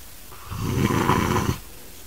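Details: Man snoring extremely loudly with grunting: one loud, rough, rattling breath of about a second in a quiet room; heavy snoring.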